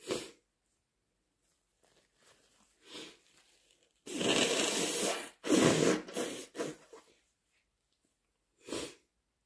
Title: Wet, messy induced sneezes plus blows